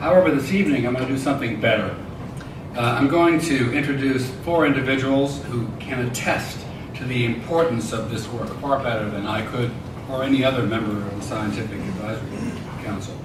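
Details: Adult male speaker; typical speech.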